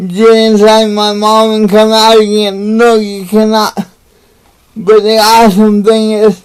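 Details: Dysarthria in an adult man with cerebral palsy, speaking to camera in a motivational talk.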